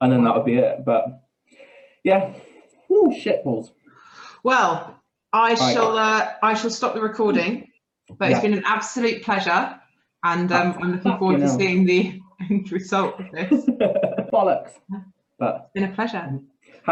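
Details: Man with Tourette's syndrome whose tics are involuntary swearing and blurted phrases in mid-sentence, with a stammer that worsens under stress; real, not acted; vocal tics with coprolalia (Tourette syndrome).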